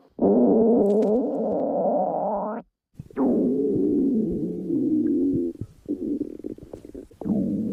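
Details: Stomach growling during abdominal pain, stomach not feeling well: long, low, droning gurgles with a few brief pauses; loud borborygmi.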